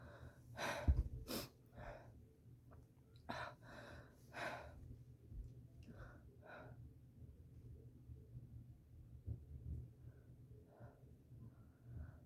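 Several quick sharp sneeze bursts with snorting and heavy breaths between them over low room hum: a run of forceful sneezes.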